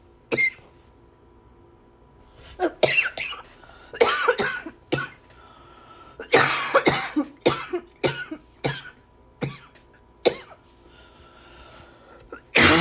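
Repeated coughing, about a dozen sharp bursts in a quiet room, some in quick runs.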